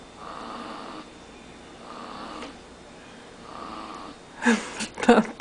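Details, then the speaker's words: Ordinary light snoring during sleep: three soft, breathy snoring breaths at about 35 a minute, then brief nearby voices. "you want to do commentary as you can see the little demon sleeping and he's snoring like they know tomorrow who he soring like he D really"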